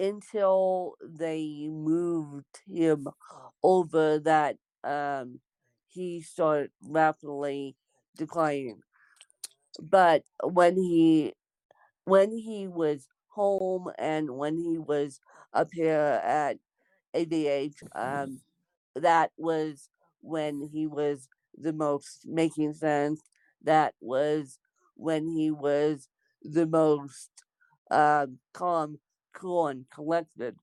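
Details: Dysarthric speech in an adult woman with congenital cerebral palsy (born with CP), real speech.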